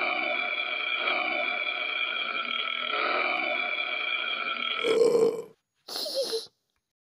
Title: Pucca's Biggest Burp